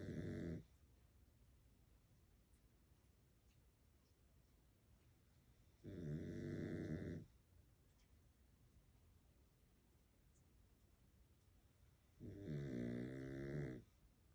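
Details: Three loud, rough snores about six seconds apart, roughly nine a minute, with quiet breathing between them; loud snoring from a sleeping Pekingese dog.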